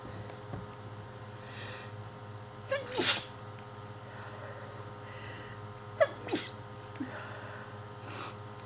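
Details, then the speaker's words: Person with bad allergies and a terrible cold, sniffling, wet sneezes: two sharp, explosive sneezes with quick inhalations before each and a smaller sniff after; sneezing. "Bad combination when you have really bad allergies and you sneeze. You sneeze a lot when you have a cold anyways."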